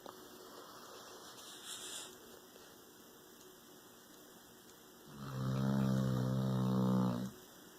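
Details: Dog that snores very loudly: a quiet stretch, then one long, deep, buzzing snore on a breath in, likened to an old man's snoring.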